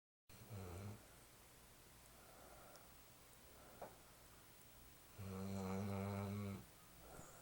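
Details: Snoring: two low, rumbling, vibrating breath sounds in about seven seconds, with quiet room noise between them.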